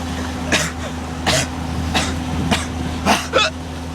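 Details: Male who hiccups whenever he coughs, recorded with intermittent hiccups: six short, sharp cough bursts over four seconds with steady engine-like hum in the background: cough.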